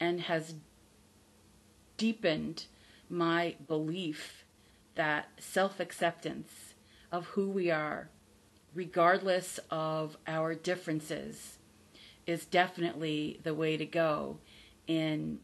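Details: Adult woman with stuttering, real, who still stutters but no longer fears stuttering; stuttering.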